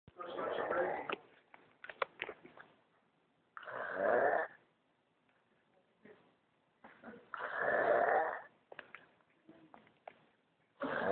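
Loud rasping snores about every four seconds, roughly 16 a minute, with quiet pauses and small clicks between; snoring.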